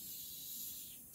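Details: Steady soft hiss of wall suction running through an attached suction catheter, checked before tracheostomy suctioning in a trach care and suctioning demonstration.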